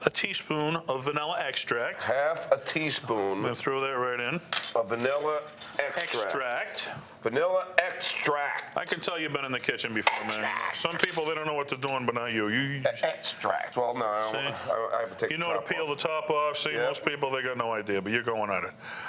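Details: Two adult men talking while cooking; ordinary conversational speech.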